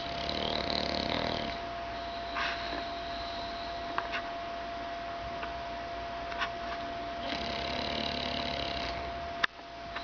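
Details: English Bulldog sleeping in a recliner: two long, rough, rattling breaths separated by quiet stretches over a steady background hum: snoring.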